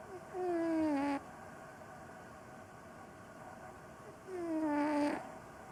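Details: Snoring in a sleeping cat resting comfortably: two squeaky, falling whistle-like sounds about four seconds apart, timed with breathing.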